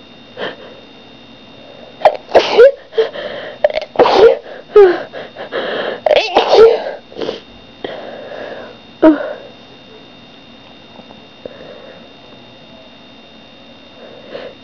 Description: I don't know why I'm sneezing so much lately.. any ideas?